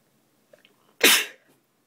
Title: It's been a while- sneezing